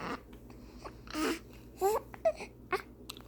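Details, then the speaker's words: Infant fussing with brief cries interrupted by short, abrupt catch sounds from hiccups, frustrated by the hiccups; infant fussing with hiccups. "you mad at those hiccups? Are you mad at those hiccups? Oh my goodness. Oh my goodness."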